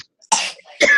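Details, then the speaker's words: Young child (speaker's son) coughing in the background during a meeting, two short harsh bursts close together in a quiet room: cough. "Oh, somebody else sounds like they're coughing too. That's my little guy."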